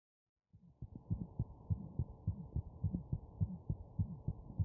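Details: Wireless stethoscope recording: fast, slightly uneven low heart thumps with a steady whooshing noise filling the gaps: abnormal heart sound.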